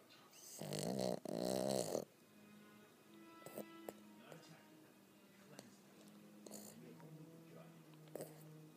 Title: Snoring Boston terrier